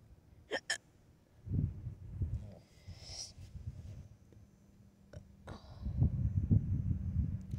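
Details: Adult with a loud hiccup attack in a restaurant parking lot after eating Mexican food: two quick, sharp hiccups with an abrupt vocal catch, then outdoor noise and distant voices.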